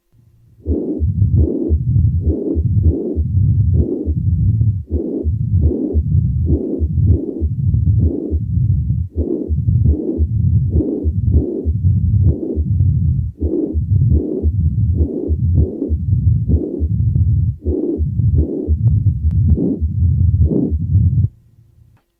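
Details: Combined mitral stenosis and mitral regurgitation: low-pitched heart cycles with continuous rumbling and a murmur between beats.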